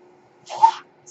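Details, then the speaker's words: The male podcaster's own mechanical ventilator, audible in the background of his speech; a mechanical ventilator breath. "my name is that noise he carries my ventilator and thank you"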